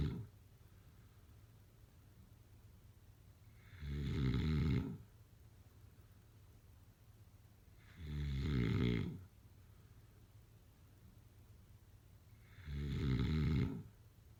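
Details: Loud, rough sleep snores about every four to five seconds, roughly 13 per minute, with quiet breathing between them; ordinary snoring.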